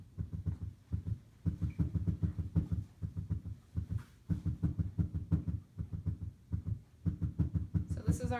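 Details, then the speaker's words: Simulated heart sound on a SAMII simulator: regular lub-dub with a squishing sound on top, indicating a valve problem with mixed blood flow: heart murmur. "um so for this you hear the love dub love dub love dub love dub but on top of it you hear this squishing sound so that's indicating our murmur so something with the valves isn't working and we have a mixture of blood flow"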